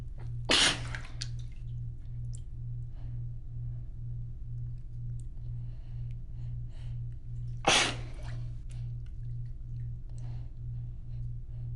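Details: Person lying in the bath during the second part of a sneezing fit, feeling dizzy, with possible wheezing on some sneezes: two loud, explosive sneezes about seven seconds apart over a steady low hum and dripping water.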